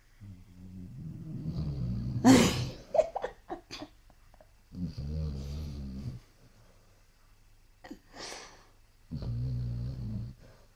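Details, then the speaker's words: Sleeping Basset Hound snoring: low, rattling snores in slow, uneven breaths, with a couple of snorts and faint room noise between them. "Что, сейчас Шерлока запит? Этот храпит тоже. Шерлок тоже?"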